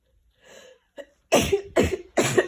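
Soft catching breaths, then three loud, wet sneezes in quick succession, fitting repeated sneezing with a cold.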